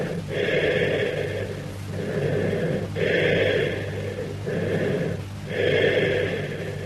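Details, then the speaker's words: Teaching recording of cavernous breath sounds: low-pitched, hollow bronchial breathing at about 22 breaths a minute, with expiration louder than and at least as long as inspiration and a pause between them, as over a lung cavity with irregular walls or an open pneumothorax. "Cavernous breath sounds are low-pitched bronchial breath sounds heard if there is an underlying lung cavity with irregular walls or in open pneumothorax. Sometimes a trachea pulled to one side may also produce cavernous sounds over it. Note the low-pitched hollow character."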